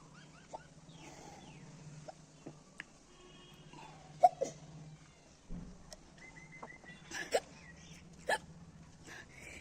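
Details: Person with hiccups after waking in the morning, filmed for a hiccup challenge: several short, sharp, gulping hiccups at irregular intervals over faint background noise.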